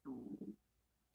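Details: Audible stomach gurgling (bowel sounds) from an adult woman lying in bed with chronic diarrhea, awaiting GI consult, family history of Crohn's, not diagnosed: brief, low, bubbling half-second gurgle, then quiet.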